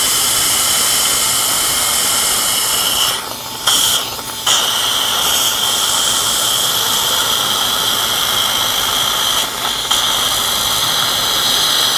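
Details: Loud, steady high-pitched whine with hiss, briefly interrupted twice: an implant drill preparing bone sites in the upper right jaw of a 71-year-old woman with periodontal tooth loss, near the sinus and fresh extraction sockets.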